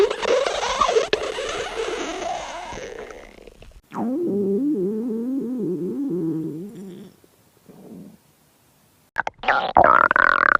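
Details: Gurgling, bubbling rumbles with a long warbling, pitched growl and brief squeaky bursts from a girl's stomach: ordinary stomach growling (borborygmi).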